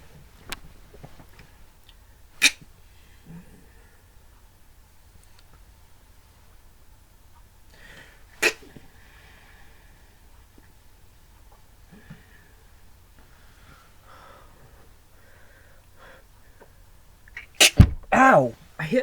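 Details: Pretend, acted-out sneezing: several sharp sneeze-like bursts spread over the clip, ending in a louder flurry with a thud from hitting the head on a desk, then laughter; simulated, not real sneezing.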